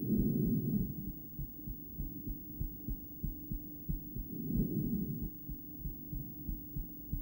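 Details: Adult female heart heard through a stethoscope during breathplay, with intermittent bigeminal rhythm: at times the beats come in pairs, with one long pause, under loud breathing noise.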